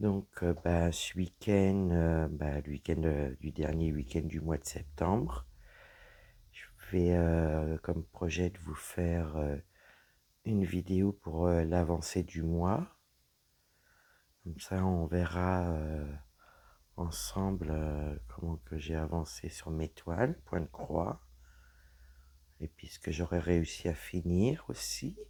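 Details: Woman with dysphonia after a serious health problem damaged her vocal cords; her voice is lower than before, at times weak, and she cannot speak loudly; lowered vocal pitch.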